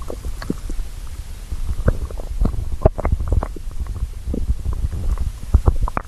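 Low rumbling with scattered gurgles and pops, a hungry stomach growling.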